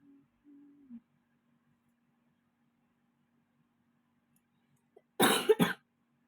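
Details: Cough while doing fiqh homework; after a faint brief hum and long silence, a single short double cough burst; a plain cough.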